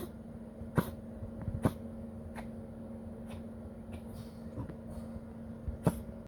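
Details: Poodle, small dog, coughing after breathing oxygen about 10 minutes after being resuscitated: repeated sharp, harsh coughs, six or seven in a few seconds.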